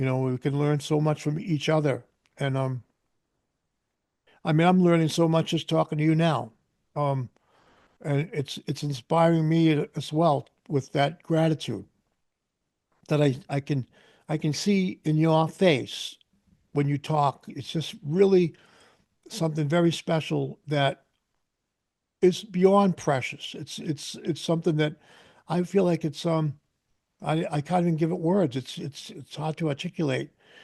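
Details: Adult male speaker; Typical speech.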